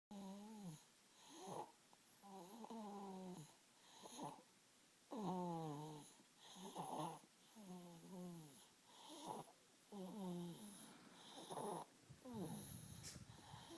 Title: Somebody is snoring!